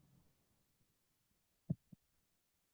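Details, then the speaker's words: Mitral stenosis: the narrowed mitral valve opens with difficulty, producing an opening snap. One heart cycle is heard, with a loud first heart sound and then a softer sound. "se produce cuando la válvula mitral se abre con dificultad debido a un estrechamiento Entonces ese ese esa abertura dificultosa va a provocar un chasquido y se escucha como es esquivo de apertura"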